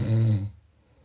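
A single low, rumbling vibrating breath sound lasting about half a second, then quiet; a snore.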